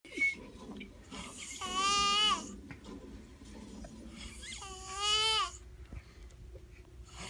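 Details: Snoring with an unusual tonal, lamb-like quality: two loud, wavering, high-pitched bleat-like sounds about three seconds apart, with quiet breathing between.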